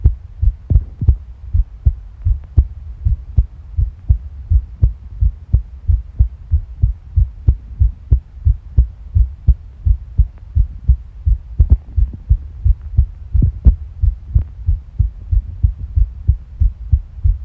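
Steady, rapid low thumps of a heartbeat with faint gurgling from the stomach underneath.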